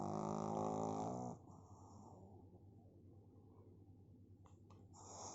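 A loud, buzzing, fluttering snore, then quiet breathing, then the start of the next snore; typical noisy snoring of a flat-faced dog.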